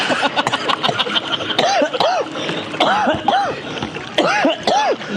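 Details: Adult breaks into a sudden bout of sharp, spluttering coughs mixed with laughing and background voices.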